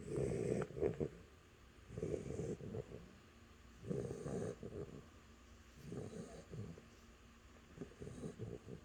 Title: Athena Snoring